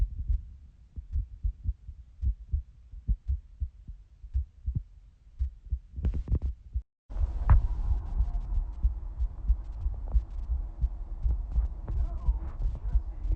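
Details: Heartbeat recorded by holding a phone to the chest of a person who reports having sinus arrhythmia: muffled low thumps with slightly uneven spacing, then handling noise and rumble.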